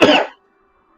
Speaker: Bless you. No, I'm coughing.